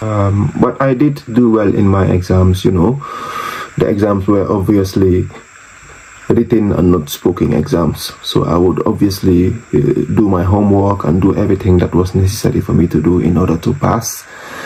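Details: Adult man who has stammered since age six, very severe through junior and high school, with particular difficulty on p sounds; stuttering (stammering).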